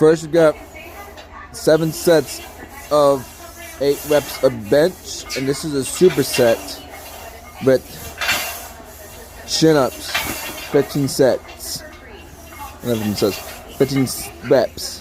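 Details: Male speaker with a speech impediment present since childhood, type not specified; articulation errors heard; speech impediment (articulation errors).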